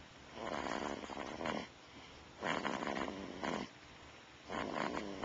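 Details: Brodie, about a month old, snoring like an old man: three rattling, fluttery snores about two seconds apart, roughly 30 a minute, with quiet gaps between.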